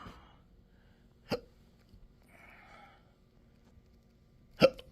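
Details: Intractable hiccups with belching, choking spasms and developing achalasia since December 2015, in 12-hour episodes now 7 days a week: two sharp, sudden hiccups about three seconds apart with a faint voiced noise between.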